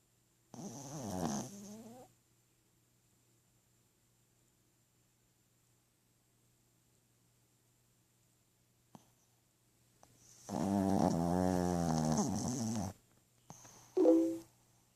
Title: My snoring dog Prego